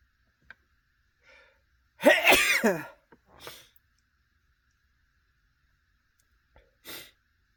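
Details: Male sneezing while sitting in his car after dinner at a restaurant: one loud, explosive sneeze after a sharp intake, then softer sniffs and breaths in a quiet enclosed space.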